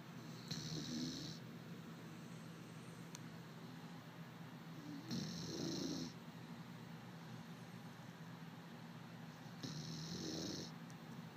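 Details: Puppy snoring in sleep: slow, rumbling snores about every 4.5 seconds, roughly 13 breaths a minute, with a whistling hiss on each breath.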